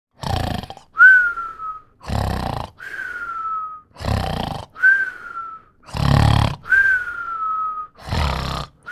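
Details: Snoring with whistling: coarse, rumbling snores alternate with a high, falling whistle on each breath out, repeating steadily.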